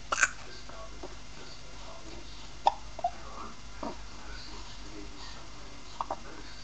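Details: Two-month-old baby girl with frequent hiccups: soft, sharp little hiccups, about four in several seconds, over steady background hiss.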